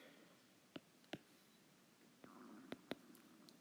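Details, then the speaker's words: Audible stomach rumbling (borborygmi) heard during a recorded math lesson, remarked on by the speaker as their own stomach. "you hear that that's my stomach yikes"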